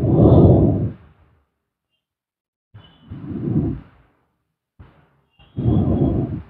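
Three slow, low rumbling breath sounds with long quiet gaps between them, fitting snoring during sleep.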